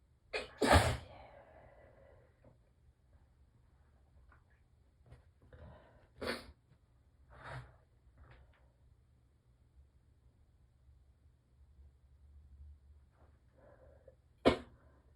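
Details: Three muffled morning allergy sneezes made with tissues pressed tightly to the face, with quiet breaths and low room hum between; allergic sneezing.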